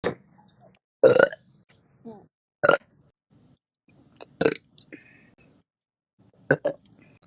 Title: Me burping 40 times for no reason at all